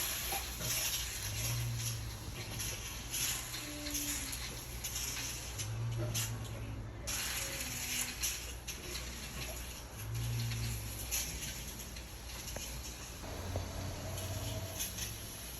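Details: Rough, ratchet-like grinding and clicking over steady room noise, from a four-week longitudinal recording of a person with bruxism, vocal tic and choreoathetotic movements; teeth grinding (bruxism).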